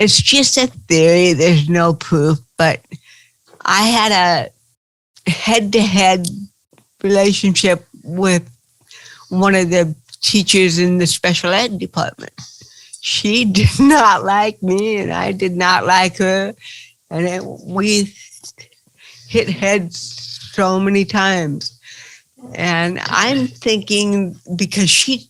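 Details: Dysarthria in an adult woman with cerebral palsy.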